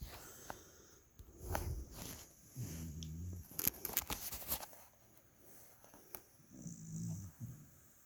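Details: A person snoring in bed: two low rumbling snores, each about a second long, among rustling and clicks from the bed; ordinary snoring.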